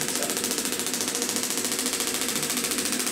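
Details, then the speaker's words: Shockwave therapy probe scanned over the shoulder and lateral deltoid of an adult chiropractor with wear-and-tear damage: rapid, regular clicking pulses, about 94 a minute in bursts, with hissy, high-pitched tapping. "o what I'm doing here is I'm scanning through the shoulder with this probe this is sending acoustic weights into the muscle"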